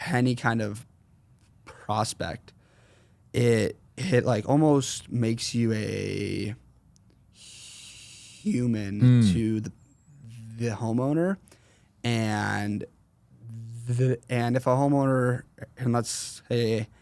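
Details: 21-year-old man with a severe stutter since 4th grade that varies in severity and is worse when consciously processing what he says; stuttering.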